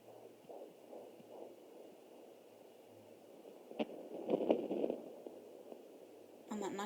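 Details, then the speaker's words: Maternal heartbeat at about 93 a minute picked up from a uterine artery on a Jumper home Doppler at 20 weeks 7 days of pregnancy, anterior placenta: slow, soft whooshing pulses through static, not the fetal heartbeat. "that 93 is my heartbeat. See, that's not a heartbeat."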